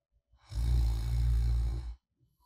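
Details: Light snoring during sleep, recorded as ASMR white noise of a sleeping person: a single deep, rumbling breath about a second and a half long in a quiet room.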